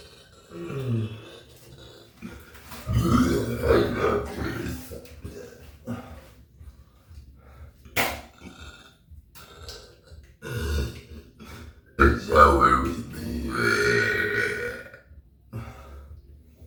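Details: Performed, acted burping for a burp challenge: several low, gurgling belches with pauses, plus soft pats and handling noises; burping.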